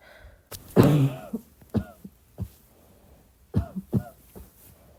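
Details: Soft coughing at midnight: several soft, short coughs and throat-clearing sounds in a quiet room, one fuller cough followed by lighter ones.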